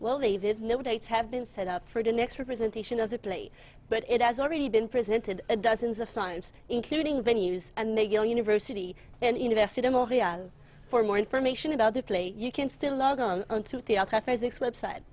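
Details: Adult woman speaking; normal fluent speech.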